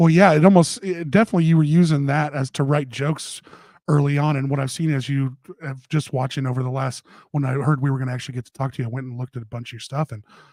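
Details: Adult man speaking; normal speech.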